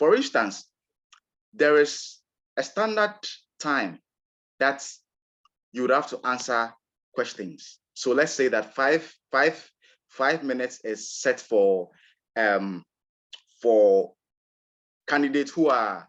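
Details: Adult man from Ghana who describes himself as a person who stammers, real recording of his own speech; stuttering.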